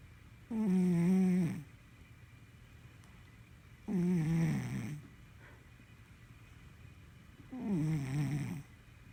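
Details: A sleeping Sphynx cat snores in three slow, rough, buzzing breaths over about nine seconds, roughly 18 a minute; the owner finds it adorable.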